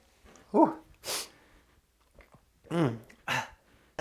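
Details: Two sneezes, each a sharp intake then a forceful burst, in a quiet room; an outtake from a comedy sketch.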